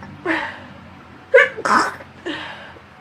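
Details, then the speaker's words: Girl sneezing a quick run of about four sharp sneezes with brief breaths between; she feels she may be coming down with something. "Holy cow! I'm gonna sneeze. I feel like I'm going down with something."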